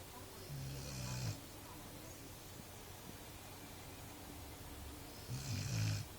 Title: Dog and owner snoring